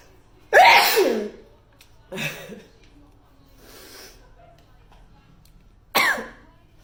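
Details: Hay fever season: a series of forceful explosive sneezes, the first loudest; sneezing attributed to hay fever.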